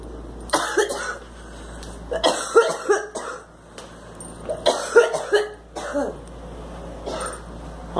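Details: Girl's coughing attack: repeated harsh bursts, about ten coughs in eight seconds, a coughing fit.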